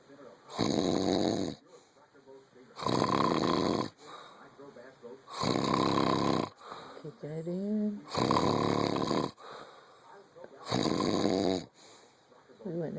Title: I don't snore.. but you do!!!! ;-)